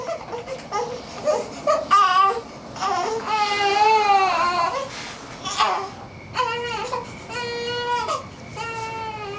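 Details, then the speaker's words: Repeated high-pitched cry bursts with brief pauses, indoors, from a newborn girl born at home after a birth with meconium complications; she is awake and crying often during the first nights. Ordinary newborn crying. "She was awake a lot more than I expected for a newborn. So, every time she cried, I wanted to try and nurse her."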